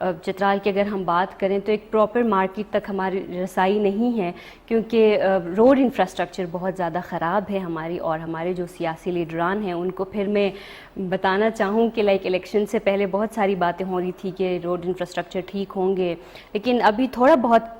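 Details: Adult woman; Normal fluent speech.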